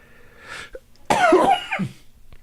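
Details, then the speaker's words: Adult man recovering from bronchitis: after a soft breath in, one harsh, forceful cough with a rough, throaty quality, a lingering bronchitis cough. "Still got a little bit of bronchitis cough, but I'm sounding better."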